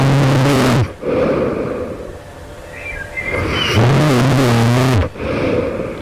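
Two long, very loud, rattling snores with a deep droning pitch, separated by a quieter pause. This is heavy snoring during sleep.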